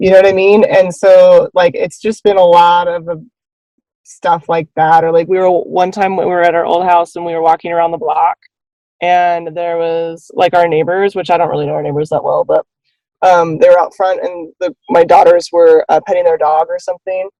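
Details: Adult woman speaking; normal conversational speech.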